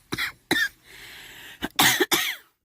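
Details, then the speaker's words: Adult with a lingering cold, coughing much worse at night despite medication, voice hoarse: two sharp coughs, a long noisy in-breath, then three harsh coughs in close succession; repeated cough. "밤만면 밤만 되면 기침이 너무 많이 나와요 이게 감기가 낫지 않는 거 같습니다"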